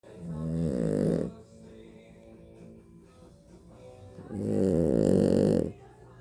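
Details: A very tired little boy asleep, with two loud, deep fluttering snores on breathing in, roughly four seconds apart, and a quiet exhale between; heavy snoring.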